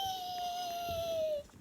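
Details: Three-week-old infant girl with hiccups: a single drawn-out, high, steady-pitched cry or squeal falling slightly at the end, quiet room noise; infant cry.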